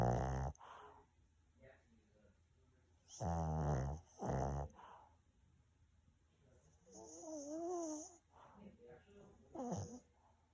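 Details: A dog sleeping deeply after a big meal, snoring: irregular low snoring breaths with soft whines and snuffles between them in a quiet room.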